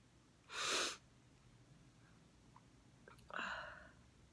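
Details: Girl in glasses sneezing twice without covering her face: a sharp airy burst, then a second voiced sneeze a few seconds later, each loud against a quiet room.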